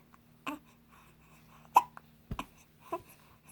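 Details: Baby with hiccups in the morning: a few abrupt, short gulping catches in a quiet room, with a steady low hum behind.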